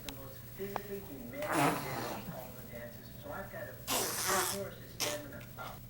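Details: A 15-month-old toddler being taught by a grandfather how to sneeze; indoor voices, then a few sharp, explosive bursts of air through the nose and mouth; sneezing.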